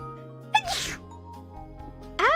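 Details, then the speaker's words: A streamer's partly held-back sneeze during a live stream: a short high inhale, then a forceful hissing burst, over background music. "I was holding back I'm not gonna release my full sneeze power"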